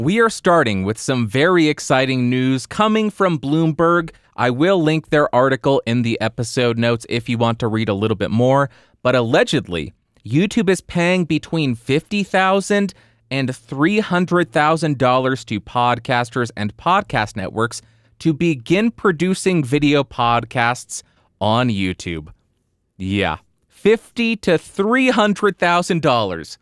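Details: Adult male; typical speech.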